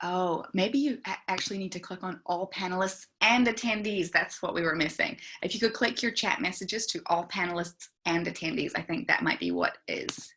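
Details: Adult woman speaking; typical adult speech.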